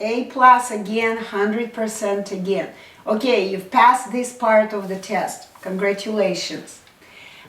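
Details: Adult woman; normal speech.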